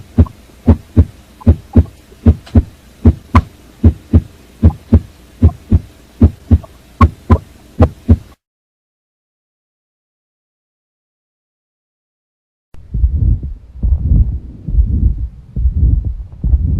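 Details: In a heart examination of an adult male with hypertension, who is concluded to have left and right cardiac enlargement, auscultation at the mitral valve area with a stethoscope reveals an added sound, a mitral regurgitation murmur.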